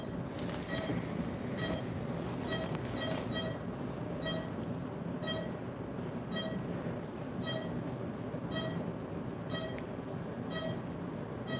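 Monitor pulse beeps at about 65 a minute, with spacing that speeds up then slows during slow paced breathing: normal heart rate variability.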